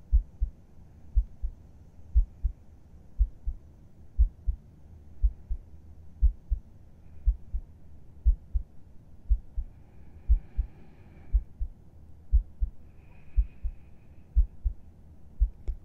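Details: Steady, regular paired heart thumps at about 60 beats per minute, heard with the listener's head resting on the chest at bedtime; calm, normal resting heartbeat.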